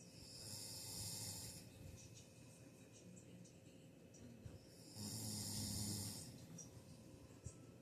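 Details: Sleeping man: two rough, rattling snores about four seconds apart, with quiet breathing between them: snoring.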